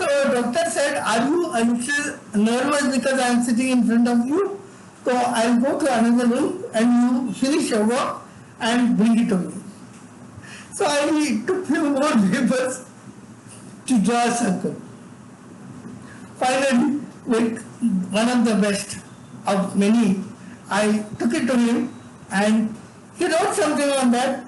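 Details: Adult man with severe cerebral palsy from birth, involuntary tremors throughout his body, and no speech until age eight: dysarthria in cerebral palsy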